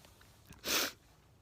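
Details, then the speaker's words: Adult with repeated sneezing, who guesses warmth or tiredness after a first day back at work: a short intake of breath, then a single sharp, hissing burst of air; one sneeze. "it's because i'm talking i'm gonna stop sneezing i'll stop talking to see if i sneeze"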